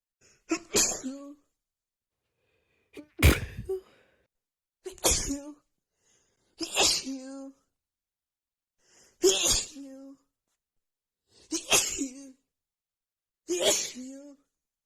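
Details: Hay fever sneezing fit: seven forceful sneezes in quick succession, about one every two seconds, each with a sharp inhaled lead-in.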